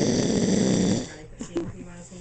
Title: Boring Snoring Accountant....